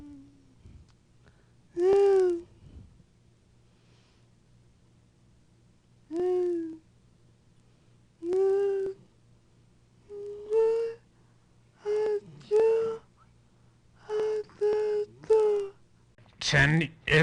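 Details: Female patient with dystonia, also with swallowing difficulty, during a neurologic exam; tight, high-pitched, strained voice, unable to move mouth, tongue, lips and palate to articulate; dystonic dysarthria.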